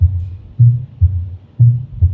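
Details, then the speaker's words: Pure mitral stenosis, heard at the pulmonary area for comparison: first and second heart sounds clearly heard, with no mid-diastolic murmur audible at this site. "Uh for comparison, I will put the stethoscope on the pulmonary area. For example, here. Now you see that murmur is not audible."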